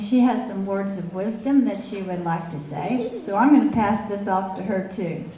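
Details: Adult woman speaking; normal voice.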